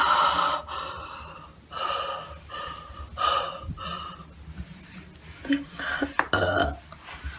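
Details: A string of several voiced, gulping burps, followed by a few short breaths and softer sounds, with throat clearing and gasps nearby; burping.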